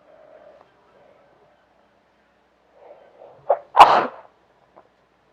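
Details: A short inward catch of breath followed by one sharp, forceful sneeze in a quiet room, from a person who is sick: sneezing.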